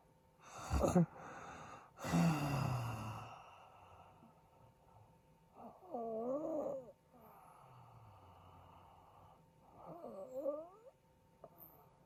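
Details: A sleeping adult husband snores loudly and irregularly with rough snorts and whistling, gasping sounds between quieter stretches; he is reported to stop breathing in his sleep, suggesting possible sleep apnea.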